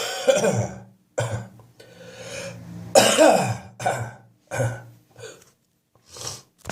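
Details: Adult with a spring cold and a real wheeze on the chest this morning: repeated wet, chesty coughs with throat clearing and a wheezy, rattling quality between bursts; wet productive cough with wheeze.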